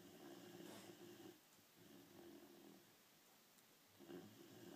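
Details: Sleeping dog snoring: loud, buzzy, rattling snores on each breath, about three cycles with quieter gaps between them.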